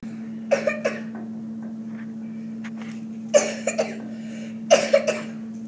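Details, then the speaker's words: Three short bursts of coughing, two or three coughs each, over a steady background hum, demonstrated during a lesson on cough and sneeze etiquette to avoid spreading germs; plain cough. "So we could so we can not spread germs of other people."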